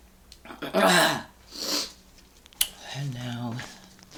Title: Sneeze II